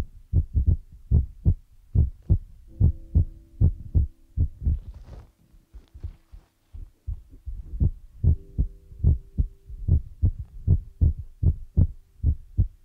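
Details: ASMR ear-massage recording with feather rod and brush sounds; steady low double thumps about 75 a minute with soft hum and brief brushing mid-clip: heartbeat.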